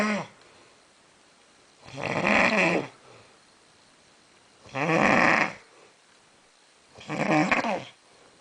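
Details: Man snoring very loudly: rattling snores repeating about every 2.5 seconds, roughly 24 a minute, with quiet pauses between; heavy snoring.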